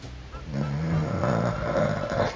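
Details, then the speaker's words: Adult recording themselves snoring overnight: a loud, low, rattling buzz lasting about two seconds on an in-breath; heavy snoring. "Oh le ronflement de fou là ! Wou ! Ouais, là je ronfle bien gros."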